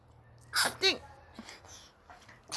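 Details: Baby sneezing twice quickly and high-pitched in a quiet room, followed by soft breaths and small noises.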